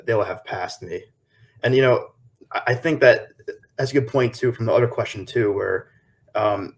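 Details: 23-year-old man with lifelong stuttering since early childhood; his paternal grandfather also stuttered; real, unscripted adult stuttering.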